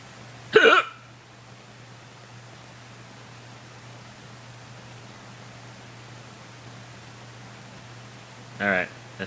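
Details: Person's own loud hiccups, which they can't control and which hurt: two loud, abrupt hiccups about eight seconds apart over a steady background hum.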